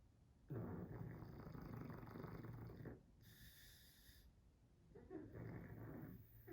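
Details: Pug asleep and dreaming, loud rumbling snores with a whistling sound in between: flat-faced dog snoring.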